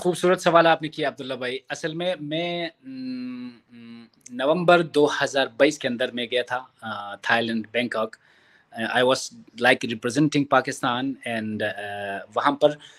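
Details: Stuttering in an adult man who stammers, has largely worked on his stammer, but still stutters at times.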